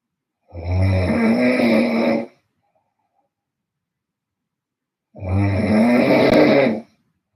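Two long, loud rattling snores about five seconds apart, with silence between; ordinary snoring.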